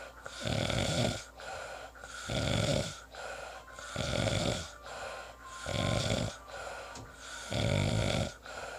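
Rhythmic rough snoring in quick succession, about six snores in nine seconds, over a steady background hum.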